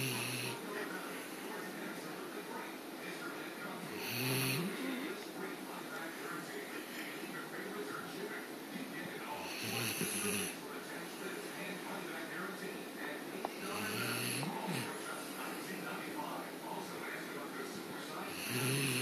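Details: Short snorting snores about every five seconds, roughly twelve a minute, over a steady background hiss.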